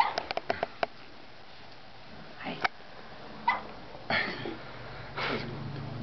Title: Adam with hiccups